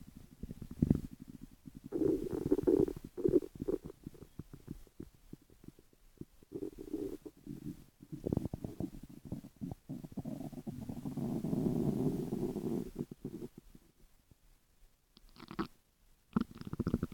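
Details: Irregular low gurgling and rumbling runs from the belly, some long and drawn out, in a 12-minute recording of ordinary stomach growls; normal borborygmi.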